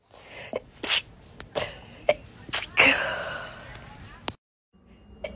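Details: From a short sneezing compilation: several sharp, explosive sneezes with a hissy release amid brief voice sounds, followed by "bless you"; a run of sneezes.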